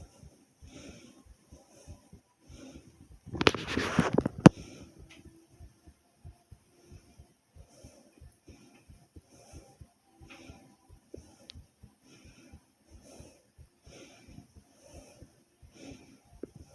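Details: Recording of the person's own heartbeat, about 40 seconds long: soft low thumps repeating at about 60 a minute, interrupted once by a brief rubbing noise.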